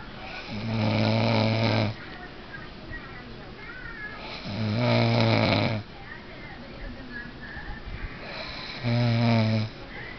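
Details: Snoring during sleep: loud, rough, buzzing snores about every four seconds with quieter breathing between, roughly 15 a minute.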